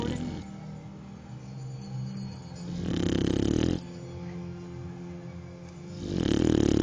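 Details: Two loud rough inhaled snores about three seconds apart, with a steady hum in the background: snoring during sleep.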